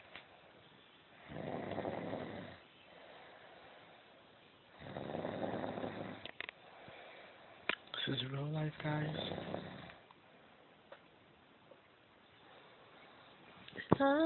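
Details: Snoring in a quiet room: two long, rough, rattling breaths about three seconds apart, with a brief higher creaky noise between them.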